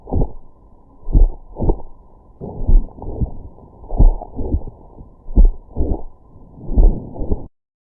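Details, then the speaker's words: Heart sounds heard by stethoscope with an extra sharp click in systole; a systolic click of mitral valve prolapse, given as an audio example. "With oscultation, you will hear a systolic click."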